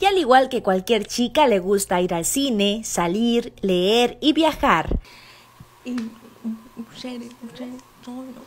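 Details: Adult female narrator; typical speech.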